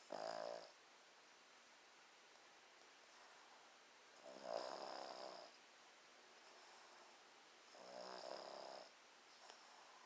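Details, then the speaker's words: Ordinary snoring from a sleeping older man at 1:30 in the afternoon: three fluttering snores about every four seconds, with quiet pauses between. "He's snoring. It's 1:30 in the afternoon. He's snoring."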